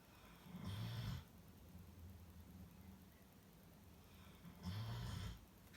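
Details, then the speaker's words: Two loud, low rumbling snores about four seconds apart from Molly, a dog sleeping deeply nearby, with quiet room noise between; ordinary snoring. "You can hear that snoring, that's Molly. She is seriously catching Z's."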